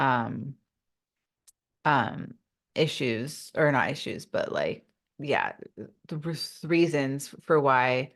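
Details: Adult woman who stutters; real, unacted speech in a podcast interview: stuttering.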